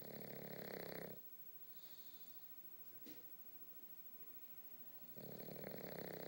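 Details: Victorian bulldog napping, worn out after a bath: rapid buzzing, rattling snores in two bursts separated by a quiet pause; dog snoring.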